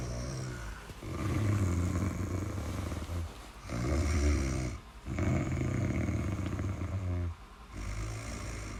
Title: Snoring sound (30 minutes)